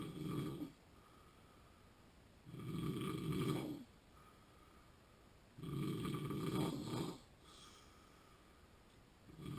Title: Sleep Apnea Snoring Vlog 48